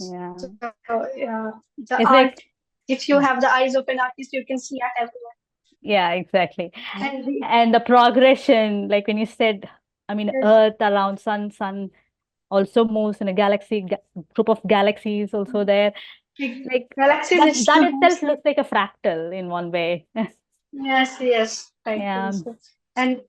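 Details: Stammering in a 20-year-old woman who stammers, reportedly more in public than with family.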